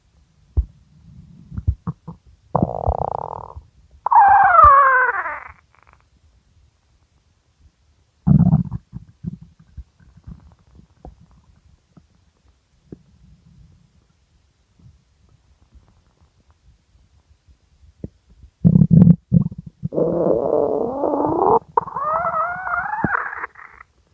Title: Extremely Hungry Stomach Growling